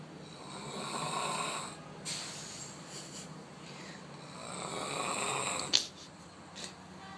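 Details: Two long, airy snoring breaths with a rough, whistling edge, ending in a brief snort; snoring.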